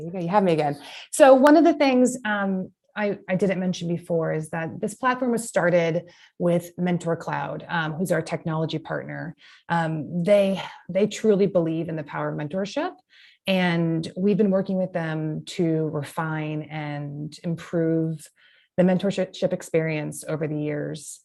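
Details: Adult female speaker; normal speech.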